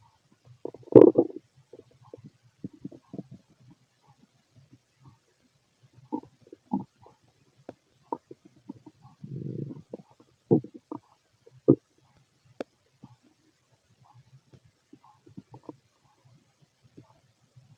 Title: Fit male stomach noise